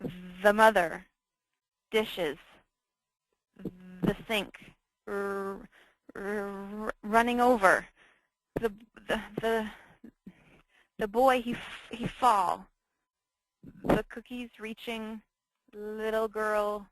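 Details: Demonstration of Broca's (nonfluent) aphasia, the more common type after stroke: only a few words at a time, very limited vocabulary, comprehension may be fairly good, describing a picture scene; finding: Broca's (nonfluent) aphasia.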